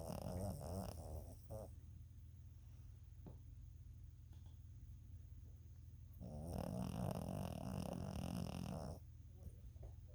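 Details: Low rumbling snoring from a tired sleeper, two long noisy breath cycles about five seconds apart over a steady low background hum.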